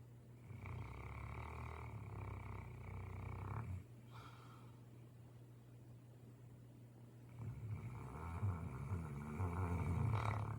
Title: She had a long day of lounging. #stbernard #snore #oregon #thegoodlife